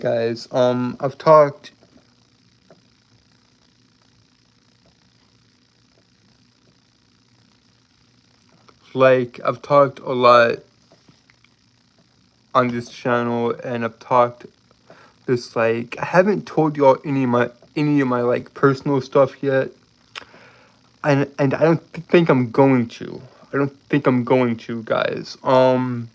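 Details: Lifelong stuttering, described as a speech impediment and disability, in a man with a slight southern accent.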